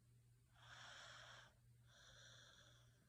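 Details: Two faint, airy, hissing breaths through the nose and throat over a steady low hum; soft snoring during sleep.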